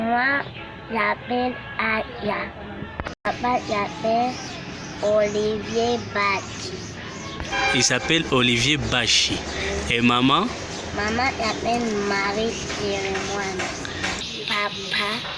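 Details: Cleft palate speech in a patient at a speech therapy camp where many patients, many of them children, have had cleft palate surgery; air escapes into the nasal cavity on pressure sounds, persisting after the operation.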